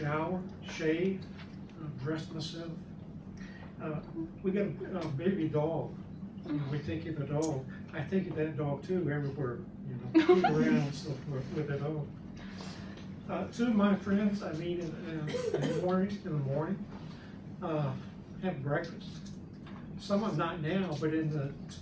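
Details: Adult man speaking years after a left-hemisphere stroke, in the chronic stage and improving with therapy: chronic nonfluent aphasia with apraxia of speech.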